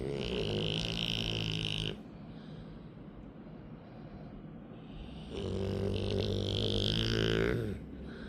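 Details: Adult asleep: two long, loud, rumbling, buzzing snores separated by a quiet pause; snoring during sleep.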